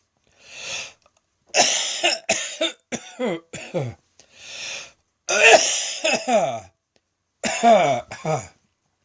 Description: OMG! I thought my lungs were going to burst with this one! I could feel the tickle coming on and managed to grab my phone in time, but I had no idea how long or how heavy it would be.